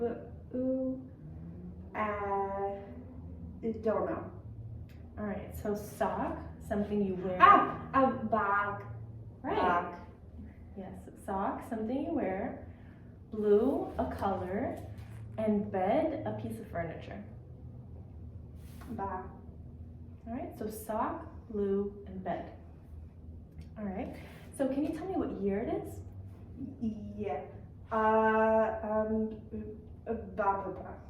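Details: Adult woman (speech-language pathologist) in a small room; typical adult speech.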